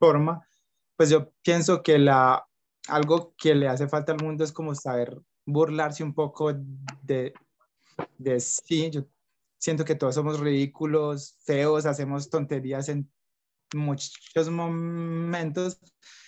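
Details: Young Colombian man who stutters, speaking spontaneously in conversation; stuttering.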